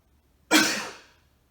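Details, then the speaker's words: Self-assisted cough technique demonstrated for physical therapy: seated with legs straight, arms overhead, deep breath, then head and upper body thrown toward the legs, producing a single strong, forceful cough burst. "and then when you're ready to cough I want you to throw your head and upper body towards your legs"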